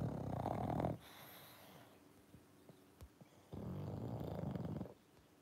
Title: PUG SLEEPING 2021 | Pangpang the Pug snoring on the sofa (pug sounds on YouTube Live YouTube Short)